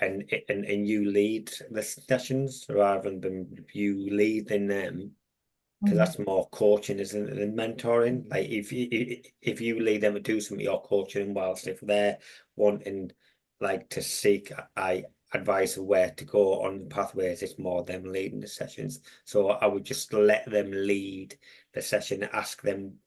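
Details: Adult man with a long-standing stammer, a mentor for young people who stammer; had speech therapy around age 11–12 and again in 2018; stuttering.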